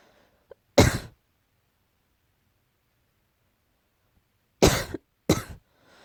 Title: slight cough